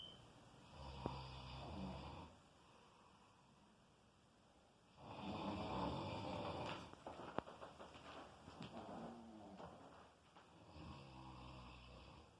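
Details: Loud, rough, rattling snores in repeated breaths with quiet gaps between them; heavy snoring.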